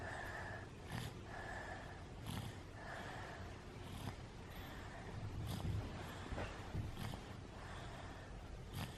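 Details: A sick dog falling asleep gives soft, rhythmic snorting breath noises, about 40 breaths a minute, over a low steady background rumble: snoring.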